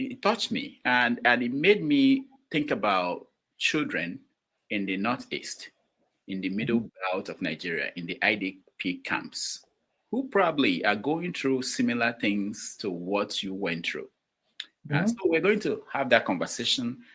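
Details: Adult male speaker; ordinary speech.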